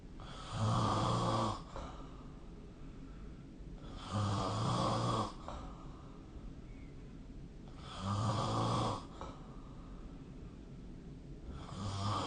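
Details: Snoring recorded with the SnoreLab app: regular loud rumbling snores on each inhaled breath, about 16 breaths per minute, with quieter exhalations between.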